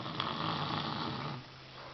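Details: Young daughter who lay down to read a book and fell asleep: soft, low, rough breath sound with a faint steady hum and light room noise. Snoring in a sleeping child.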